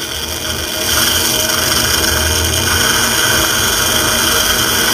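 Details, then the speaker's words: Steady high-pitched surgical drill whine, grinding under load, as the drill perforates the opposing cortical bone after reaching 14 mm depth during live basal dental implant surgery. "so jyoti meanwhile i can feel you can you feel see this this is the cortical has come now i'm going to perforate it"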